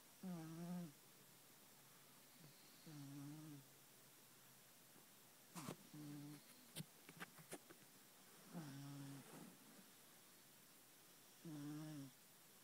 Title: Snoring kitten